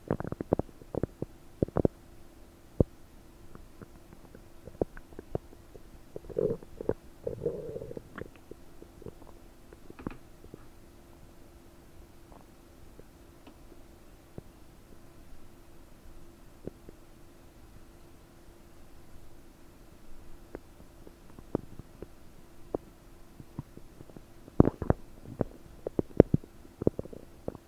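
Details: Abdomen about 9 hours after eating 30 prunes, recorded with a desktop microphone, bubbly and bloated: frequent bubbly gurgles and clicks of active, gassy bowel sounds; finding: borborygmi.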